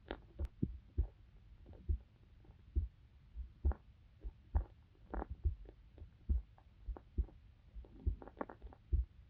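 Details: Heartbeat of a young adult female university student, recorded for a sleep-aid ASMR video: soft, regular low thumps at about 67 beats a minute under a low hum; normal heart sounds.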